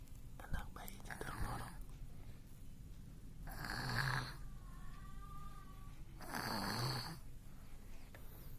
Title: MASIH BAYI NGOROK #SHORTS